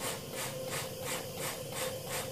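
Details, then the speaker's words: Boy on a MetaNeb at middle flow setting, switched after 2½ minutes of CPEP to CHFO oscillating mode with aerosol: rhythmic whooshing airflow pulses about three per second with steady hum. "okay so if that was 2 and 1/2 minutes we now turn it up to the oscillating"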